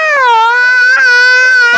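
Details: Young child in hospital given an injection in the hip, coaxed with chocolate: loud, sustained high-pitched distressed crying during the procedure.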